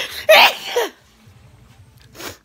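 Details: Sneeze recorded on holiday near a dishwasher, just after eating; the sneezer suspects something eaten. A single sharp, explosive sneeze, then a short trailing voiced sound and quiet.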